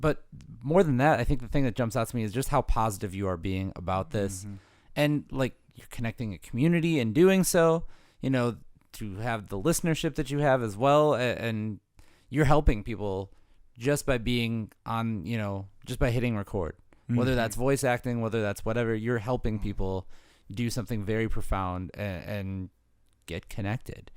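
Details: Adult male speaker; typical speech.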